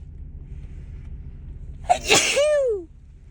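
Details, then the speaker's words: Woman with a cold, stuffed-up nose, tickling nose and watering eyes: a single sharp sneeze after a quick intake of breath, with a falling voiced tail, over quiet room noise. "oh that sneeze didn't want to come out oh my God I'm so stuffed up now"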